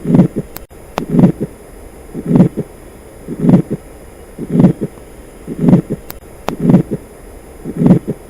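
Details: Atrial septal defect heart sounds: slow, regular heartbeat near 57 a minute with a split second heart sound.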